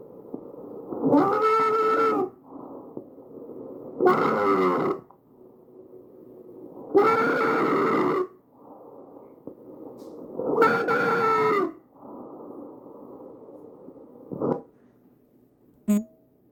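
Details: Visualized tracheal stridor recorded from a real patient with an AccurSound electronic stethoscope.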